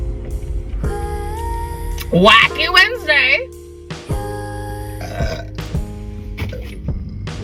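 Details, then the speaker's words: Loud, drawn-out, wavering burp, then a second shorter one, with music in the background, from a person in a car vlog while eating spicy jalapeño-flavored crunchy snacks; ordinary belching. "ey first one's the best burp I swear and I'm eating um Frankie Organics pop in jalapeno flavor"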